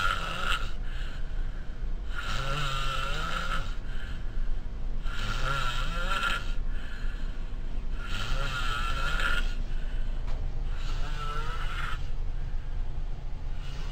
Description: Sharing a room is one thing but what of the person who shares with a steam train!